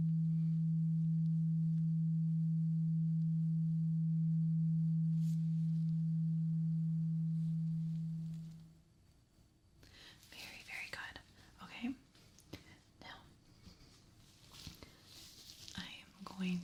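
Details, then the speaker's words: Simulated ASMR ear exam role-play for clogged ears: struck tuning fork gives a steady pure ringing tone fading out, then soft handling sounds, patient asked to say when sound stops; tuning fork hearing test. "I have this tuning fork. I need you to just let me know when the sound stops. Okay? So, I'm going to hit this and it's going to make this sound."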